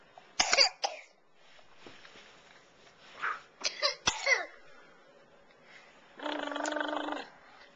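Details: Cough from a young child, recorded with a Flip Video camcorder.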